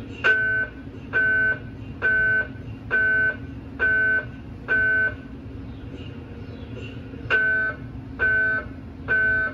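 Loud, regular buzzing beeps about 67 a minute from a running MRI scanner, with a short pause and steady room hum; normal scanner noise.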